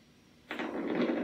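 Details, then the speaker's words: Needle EMG of the right extensor digitorum of a volunteer with the needle taped in place: near silence at rest, then dense crackling static as she extends her fingers; normal voluntary motor unit activity. "you will see while her hand is at rest and while her muscles are relaxed and still we have a quiet electrical signal if we ask her to activate her muscles by extending her fingers"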